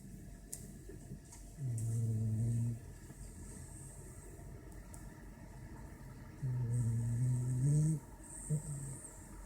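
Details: French bulldog snoring after eating and a shower: long, low, rumbling snores about a second each, with quiet breathing between.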